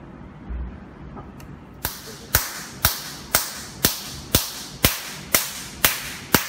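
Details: DM 9006A touch screen Nd:YAG tattoo removal laser (532/1064/1320 nm) firing: sharp snapping cracks about twice a second, ten in a row, after a quiet start.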